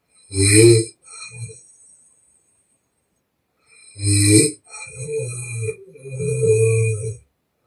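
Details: Young Chinese woman in deep sleep, real snoring recorded with permission: very loud, rough snores on inhaling, mouth-blowing softer rattling exhale; heavy open-mouth snoring.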